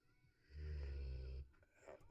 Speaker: you can hear my dog snoring in the background probably, but don't mind him, he'll be alright.